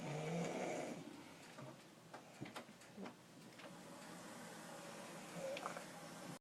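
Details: Snoring during sleep: one short, fluttering snore at the start, then quiet breathing with scattered clicks and room noise. It is likened to a garbage disposal with a nail in it.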